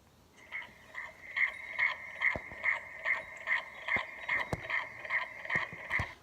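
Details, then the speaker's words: A fetal heartbeat about a month before the due date, replayed from a stuffed animal recording through a small, tinny speaker: rapid, regular pulsing at about 143 a minute, a normal fetal heartbeat. "she's going to be having a baby and it's due about this time next month and she brought back this this stuffed animal with the heartbeat so I just want you to listen I hope you can hear this"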